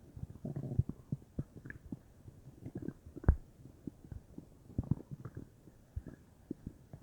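Soft, irregular low gurgles and bubbling pops from the belly, typical ordinary bowel sounds.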